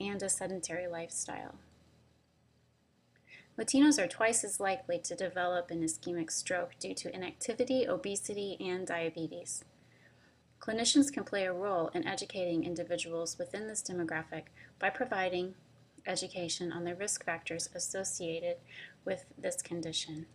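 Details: Adult woman narrating; normal speech.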